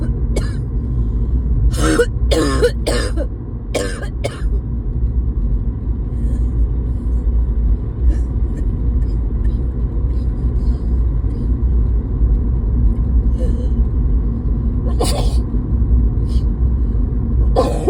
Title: Simply coughing